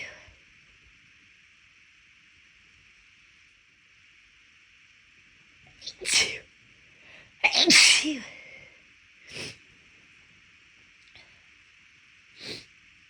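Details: Person with lingering left-nostril tickle after being sick weeks earlier, forcing sneezes out, with some nose blowing: a few sharp sneezes, a quick breath in before the strongest, then softer nasal bursts over steady hiss.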